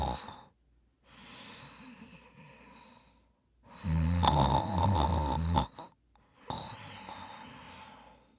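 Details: A person's snoring, loud enough to keep others awake, recorded as an annoying-noise clip.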